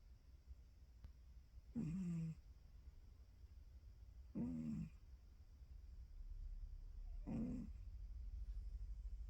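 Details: Dog napping, soft rattling snores about every three seconds, roughly 20 breaths a minute, in a quiet room; snoring.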